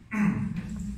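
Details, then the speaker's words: Simulated: an adult imitates a single harsh, hollow, bark-like 'watchdog' cough, the barking cough of croup, typical in children with laryngotracheal inflammation. "Hay uno que le llaman la voz de perro guardián o la tos perruna,"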